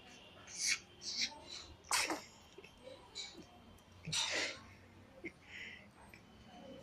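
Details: A baby sneezing repeatedly: several short, sharp, hissing bursts a second or two apart, with soft breathing between them.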